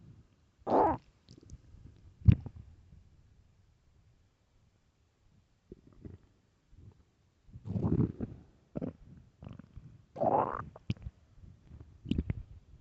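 Irregular gurgling and rumbling bursts separated by quiet pauses: loud stomach growling from hunger, a normal bowel sound.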